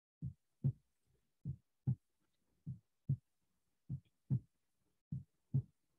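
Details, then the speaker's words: Veterinary physiology teaching recording: normal S1 and S2, regular at about 49 beats/min with no added sounds; the first sound is slightly longer and the second shorter and drier. "Fecha o olho e tenta deixa você entender um pouquinho só vocês vão perceber que primeiro ele é levemente mais alongado em relação ao segundo e o segundo é um pouco mais seco e"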